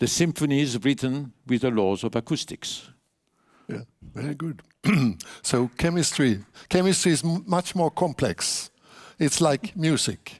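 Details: Adult male speaker; typical speech.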